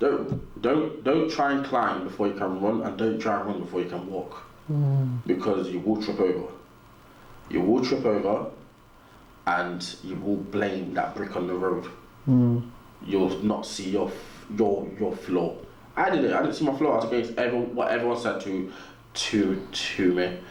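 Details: Stuttering in an adult man, described as a natural, audible stutter; real, not acted.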